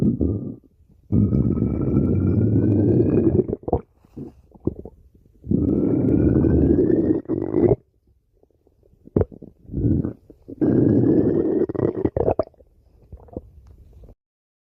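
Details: Long, loud gurgling growls with rising pitch, separated by quieter bubbling; ordinary stomach growling (borborygmi) from gas and fluid moving through the gut.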